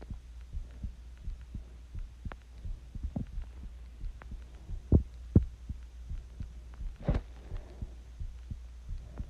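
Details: Adult's own heartbeat recorded while sick with the flu: soft, low repeated thumps over a steady low hum, with a few louder knocks and rubbing noises.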